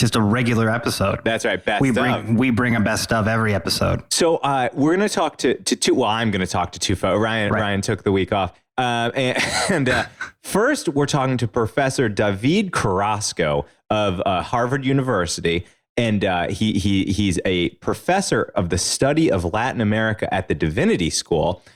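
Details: Adult male speaker; normal speech.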